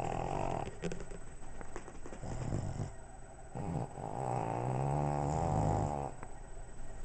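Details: Rough, rumbling snores with fluttering, growl-like breathing from a sleeping Pug and Boston Terrier in a small room; snoring.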